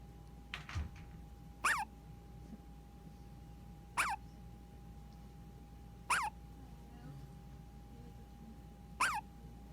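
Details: Baby girl, four short, sharp squeaky hiccups about every two to three seconds that sound like a squeaky toy, over steady background hum; hiccups.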